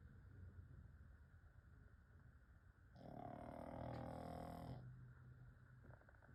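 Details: Quiet low breathing, then one loud, buzzy, rattling snore of almost two seconds from a sleeping pug; snoring.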